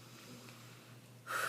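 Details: Silent cough voice-therapy technique demonstrated: breathe in, blow air out fast through throat and mouth without voice, then tuck chin and swallow hard; a sudden forceful airy exhalation, alternative to throat clearing for hyperfunctional voice users.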